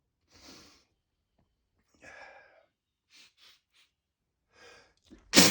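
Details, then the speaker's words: Male with repeated strong wet sneezes: soft gasping breaths as the sneeze builds, then a sudden loud explosive sneeze. "My goodness. Oh my god. These are so strong. So strong."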